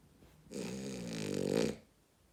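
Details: Female dog Willow sleeping: a single very loud, rattling, vibrating snore of about one second in a quiet room; snoring.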